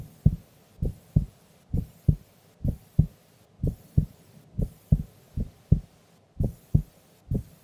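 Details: Female recorded asleep during an afternoon nap: steady paired lub-dub heartbeats at about 66 a minute, clear and even, no added sounds; normal heart sounds.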